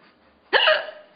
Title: Mommy's Hiccups Funniest Thing Ever!